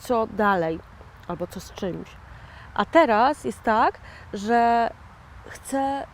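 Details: 41-year-old woman with aphasia following a stroke in 2009; a real stroke survivor who calls herself an aphasian; aphasia after stroke.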